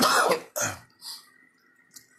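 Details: Adult man in a hospital bed in isolation, coronavirus, three days before his death: two harsh, forceful coughs in a quiet room, then faint background sounds.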